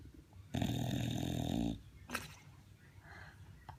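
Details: One loud, buzzing, rattling snore lasting over a second, then a softer breath in a quiet room; snoring.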